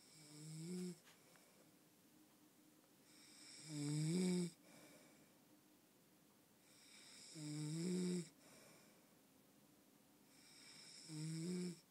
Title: snoring